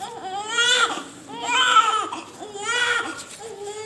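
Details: Three strong, loud cries with clearly pitched wails and short pauses for breath from a newborn of good, healthy weight born by normal delivery; a vigorous, normal newborn cry.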